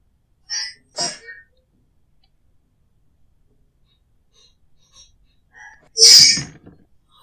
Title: English teacher has sneeze fit! (f)